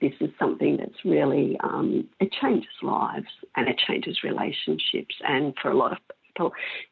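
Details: Adult female with spasmodic dysphonia of mixed adductor and abductor type for 16 years, treated with Botox injections into the larynx that stop some of the spasms; she says her voice may go in and out a little.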